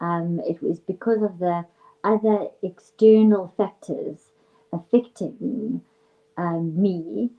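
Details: Real stuttering in an adult female speech and language therapist who is herself a person who stutters, with stuttering running hereditarily on her father's side; finding: stuttering.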